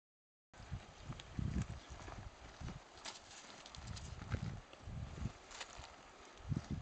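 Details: Kiko buck goat, about one and a half years old, outdoors eating poison oak; low chewing and rustling broken by a few sharp, breathy nasal bursts. Goat sneezing.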